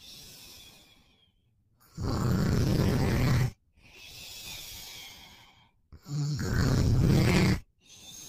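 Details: Adult boyfriend asleep: loud, low rattling snores on each in-breath with quieter out-breaths, about four breaths a minute; ordinary snoring.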